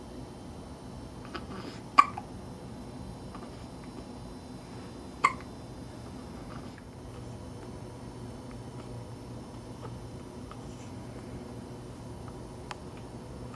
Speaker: I've never known a child to get hiccups this much.